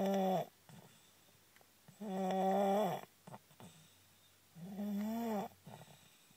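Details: Sleeping in a car, loud snoring: three long, tonal snores with quieter snuffles between them, roughly one every two seconds.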